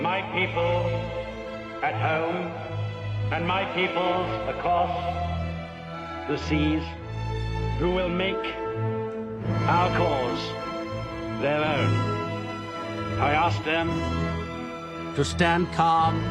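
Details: Acted portrayal of an adult male with a stammer, shown delivering a wartime radio speech; stuttering.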